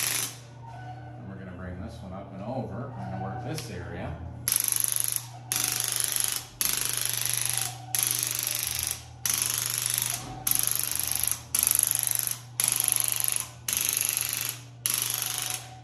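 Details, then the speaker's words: Pro Soft soft-tissue therapy device applied to points around the shoulders to relax mechanoreceptors, after a 4-inch shoulder range-of-motion restriction was measured: repeated bursts of loud, harsh motor buzzing, each about a second, with short pauses. "we then are going to take the machine and we're going to put this on points around the shoulders where they're moving to try to cause those mechano receptors to relax and let go make those muscles and tissues let go so we can get more range of motion"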